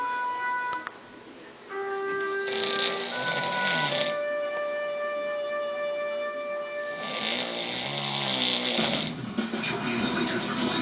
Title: Tee's Daddy Snoring